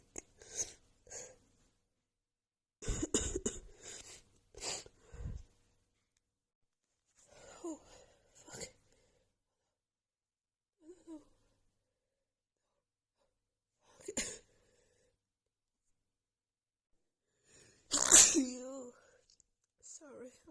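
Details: Female with a head cold and blocked nose, after sniffing a tiny bit of black pepper, has a sneezing fit: repeated sharp sneezes in quick clusters, with brief gaps and nasal sniffs between and barely time to breathe.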